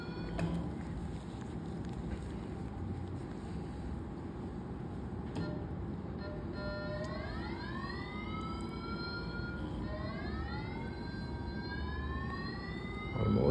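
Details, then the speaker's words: Phaco direct chop cataract surgery, thick posterior subcapsular cataract (NS2): bimanual irrigation/aspiration removing particulate lens matter and cortex, steady machine hum with rising and falling electronic tones. "now with B manual irrigation and aspiration we'll aspirate out the partical matter"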